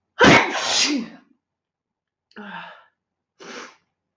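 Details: Girl, tagged allergies and sinuses: one loud sneeze followed by two smaller, softer sneezes, each a sharp burst of breath and voice; sneezing.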